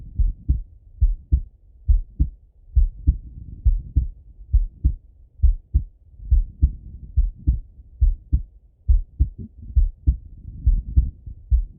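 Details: Male heart auscultated with a stethoscope: steady lub-dub heartbeat at about 68 beats a minute with clear first and second sounds; normal heart sounds.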